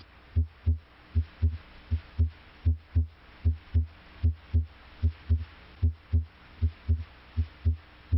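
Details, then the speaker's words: Normal S1 and S2 heart sounds: a steady lub-dub at about 78 a minute with crisp first and second sounds. S1 comes from mitral valve closure and S2 from aortic valve closure. "closure of the heart valves creates a pair of audible heart sounds the first sound S1 arises from closure of the mitro valve"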